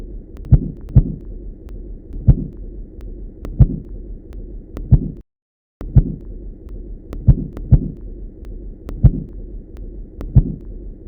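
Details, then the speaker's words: Soft thuds under the BP cuff coming irregularly with uneven gaps: intermittent Korotkoff sounds at the first-appearance pressure in pulsus paradoxus (cardiac tamponade, pericardial effusion). "if you keep the cuff pressure at this point you will notice that you hear corrupt cough sounds only intermittently or irregularly"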